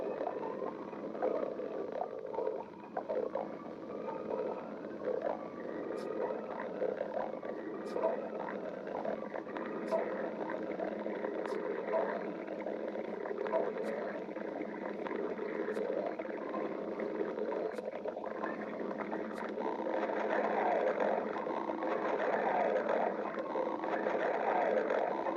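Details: Stomach growling (borborygmi): continuous gurgling and rumbling with long, pitch-shifting squeals.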